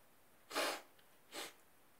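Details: Two short, soft, slightly wet sneezes in quick succession in a quiet room, in bed in the morning.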